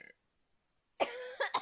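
A single short cough-like burst with a throat-clearing quality, in a quiet room.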